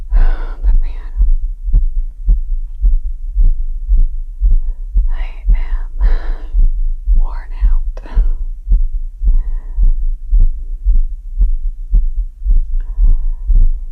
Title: My Pounding Heart After Yardwork + Heart Pounding 120 BPM & Recovering Heartbeat [ASMR]